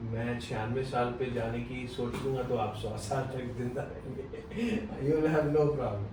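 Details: Adult male speaker; ordinary speech.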